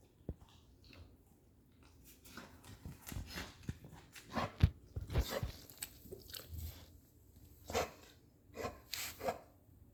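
A dog gives a series of short, harsh, hacking coughs in a quiet indoor room.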